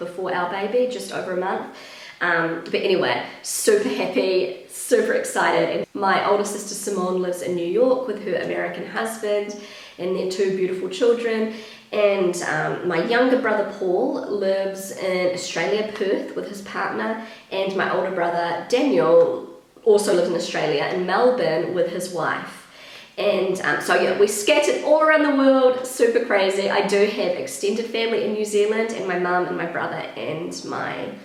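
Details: Vocal fry (creaky voice) in a pregnant woman who attributes its worsening to pregnancy; she reports a usually croaky, crackly voice that is much worse when pregnant, and feeling a little out of breath.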